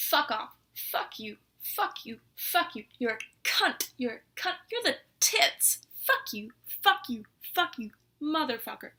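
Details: Adult with Tourette syndrome, over 50 tics, producing involuntary offensive words and phrases; coprolalia (Tourette syndrome vocal tics).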